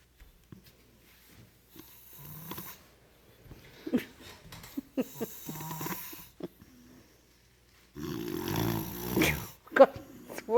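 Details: Man snoring during sleep; speaker suggests he needs a CPAP machine: irregular snorts and breathy noises, then one louder rattling snore near the end, with a few soft spoken words.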